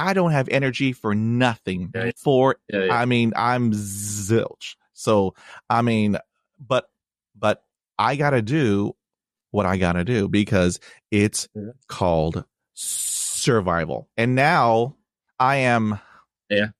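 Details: Man who has stuttered since childhood, with blocks and repetitions, speaking on a podcast; had speech therapy in 1975; long-standing avoidance of reading aloud and presentations; stuttering.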